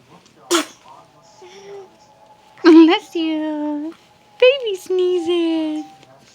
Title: Red-eyed baby sneezes